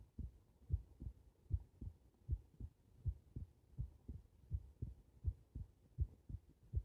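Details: Normal heart sounds recorded with the subject lying supine: regular low paired thumps at about 80 beats per minute.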